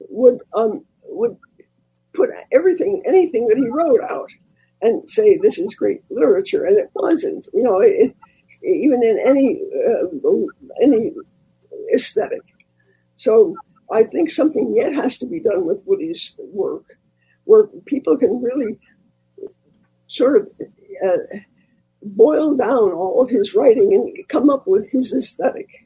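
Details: Elderly former singer who recently lost a vocal cord, not caused by the polio they had in 1948; voice changed from their singing voice; dysphonia after loss of a vocal cord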